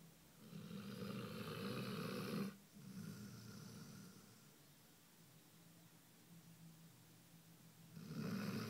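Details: Basset hound snoring: loud, rough, low snores on breathing in, with a quieter breath in between.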